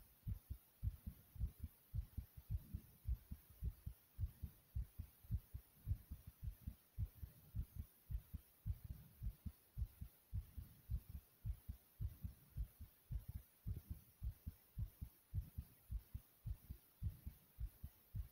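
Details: Steady, low, pounding heartbeat at about 54 beats a minute with a faint hiss behind it; heartbeat.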